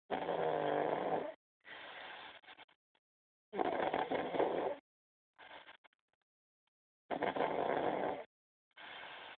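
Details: Snoring during sleep: repeated rough, rumbling breaths every few seconds, sharply cut off between bursts.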